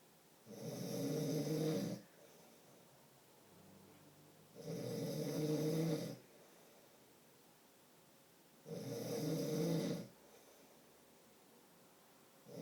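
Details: Loud, rough snoring from an adult man (husband) asleep, on each breath in at about 15 breaths a minute, with quiet exhalations between.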